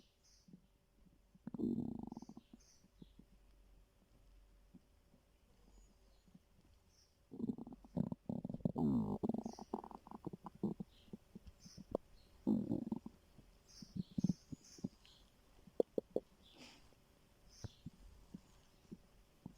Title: My stomach growling 😂